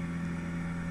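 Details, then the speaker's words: Zen-O portable oxygen concentrator set to 2 litres continuous flow via mask, for a child with cerebral palsy who cannot control his breathing, used during chest infections: a steady low motor hum with a constant drone. "now I've set this to two liters continuously because there you go that's how loud it is because we would need it continuously because Alfie has cerebral palsy and he can't control"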